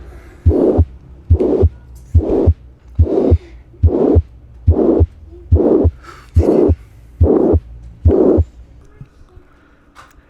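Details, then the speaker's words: Tricuspid regurgitation murmur: regular heartbeat about 71/min with a blowing, plateau-shaped systolic murmur filling the space between the heart sounds; louder on deep inspiration (Carvallo's sign), distinguishing it from mitral regurgitation. "la configuración es en forma de meseta y es el ruido se escucha a sí [Música]"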